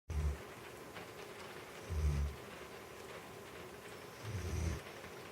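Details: Snoring loud enough that the TV volume had to be raised: three low rumbling snores about two seconds apart against steady background hiss.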